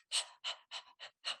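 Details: Quick, breathy open-mouth puffs, about five in just over a second, imitating heavy panting in a cat, described as abnormal for cats and a possible sign of a serious problem. Finding: panting.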